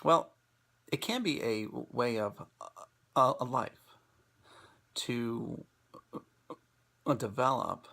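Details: Presenter who stutters, giving a talk on acceptance and commitment therapy for people who stutter; stuttering.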